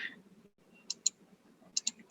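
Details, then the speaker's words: Sharp, high-pitched click stimuli in pairs over faint room noise, demonstrated for auditory brainstem evoked potentials in newborn hearing screening. "ahora te voy a mostrar más o menos cómo funciona el estímulo chico me llamo potenciales éste es el estímulo clic"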